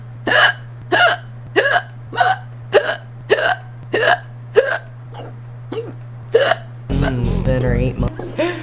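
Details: Hiccups: repeated sharp, abrupt voiced gulps about every half second, roughly 95 a minute, then talk over music.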